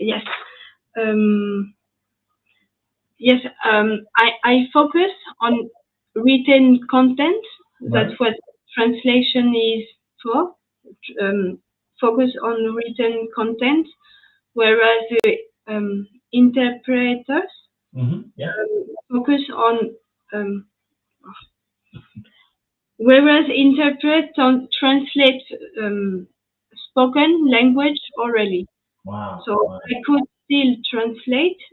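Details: French woman with lasting language difficulty after an ischemic stroke at age 22 in July 2011, followed by 10 days of mutism and a year of rehabilitation; post-stroke aphasia.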